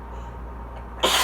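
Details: Quiet room, then a sudden loud, explosive sneeze from a person who has just finished reading aloud during an allergy fit; allergic rhinitis sneezing.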